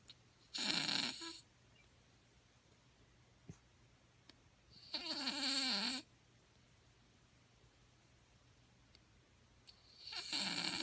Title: Shihtzu puppy snoring while asleep